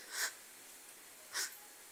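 Two brief, harsh, breathy gasps about a second apart in a quiet room, an instructor's imitation of agonal gasping.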